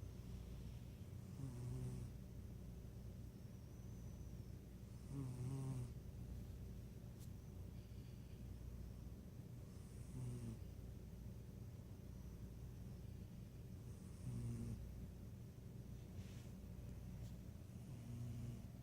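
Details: Cat napping and snoring: soft, low, rumbling snores with each breath, about four in 19 seconds, over steady background hum.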